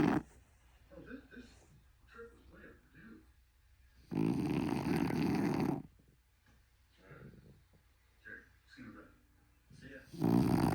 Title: Happy Fluffy Frenchie snoring #fluffyfrenchbulldog #longhairfrenchie #fluffyfrenchy #funny #bulldog